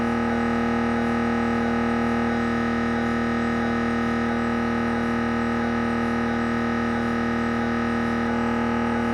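Loud, steady, buzzing drone with fast rhythmic knocking, the typical gradient noise of an MRI scanner running a head scan.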